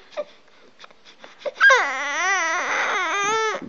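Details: Infant girl aged 10.5 weeks being burped by her father: a few soft fussy sounds, then a sustained loud wailing cry with rising and falling pitch; infant cry.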